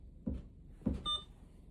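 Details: Two soft button taps then a short electronic beep from an IV syringe pump confirming a keypress while entering patient weight 45 kg during Veletri setup on an adult ventilator.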